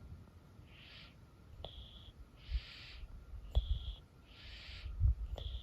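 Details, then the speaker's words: A dog, who commonly wheezes with a stuffed nose, breathes noisily through his mouth, alternating a hissing rush of air with a thin whistle, about 30 breaths a minute; somewhat worse than usual, but owner says not really bad. "Here is an example of his breathing a little bit worse, still not really bad, but a little bit worse than just the wheezing before. You can tell he's breathing out of his mouth a little bit on this one."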